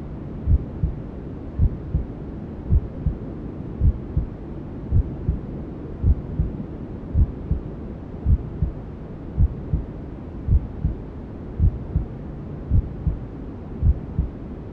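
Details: Newborn sleep-aid womb sounds: steady, soft maternal heartbeat at about 54 a minute under constant white noise hiss, with other sounds from inside the mother's belly that the baby heard as a fetus.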